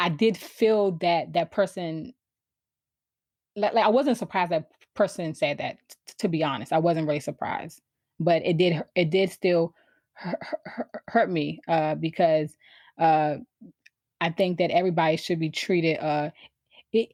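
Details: Adult woman who has stuttered since she began to speak, around age four or five: stuttering.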